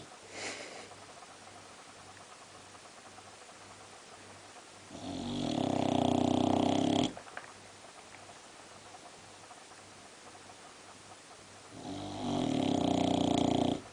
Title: BOXER DOG SAM: (4) I CAN SNORE EVEN LOUDER IN THIS POSITION.MPG